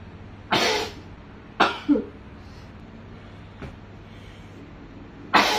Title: strong sneezes and nose blowing so messy